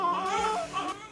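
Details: One-week-old baby boy seen on follow-up in the ER after a sepsis workup (spinal tap, blood and urine cultures) for suspected spinal meningitis, now looking well: a brief, clear cry with a steady, even pitch that trails off. Infant cry.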